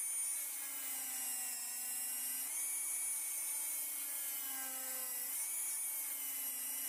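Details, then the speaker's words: High-speed dental handpiece whine dipping in pitch as the bur sinks about 1 mm depth orientation grooves from cusp tip down on lingual cusps, full veneer crown preparation of mandibular first molar (FDI #36) on a typodont. "So you start from the cusp tip and go down and sink the burr completely inside, so that our depth orientation grooves would be about 1 millimeter in all the places. Now we will make grooves for the lingual side also."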